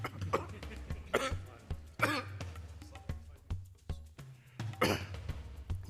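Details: Adult Australian MP has a coughing fit while giving a speech in parliament, later tested for COVID-19 and isolating; repeated harsh coughing bursts with throat clearing over low background music.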